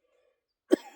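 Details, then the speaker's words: Person with cystic fibrosis, after a set during a shoulder workout: one short, forceful cough after near silence with a faint trailing rasp and wheezing from mucus in the airway or upper lungs; productive cough. "Now you can hear me wheezing. That's cuz the mucus is somewhere in my airway or upper lungs. which is a good thing."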